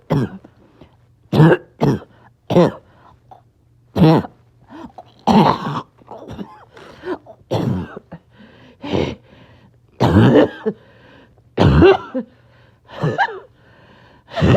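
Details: Adult, a little short of breath, in back-to-back coughing fits clipped together: harsh bursts about 40 a minute with throat clearing and breathy gasps between; repeated coughing fits.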